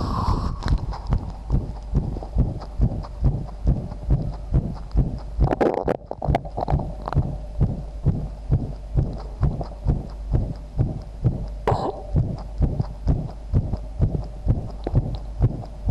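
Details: Person's own heartbeat, recorded along with a visible heartbeat: fast, steady thumping at roughly 130 beats a minute, with a brief rustle partway through; a low-quality recording.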